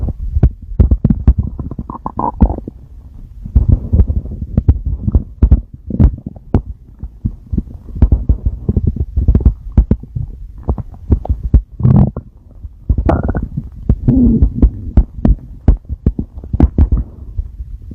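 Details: A male's stomach growling: frequent low gurgles and rumbles with a few squeaky, tonal growls from gas and fluid moving.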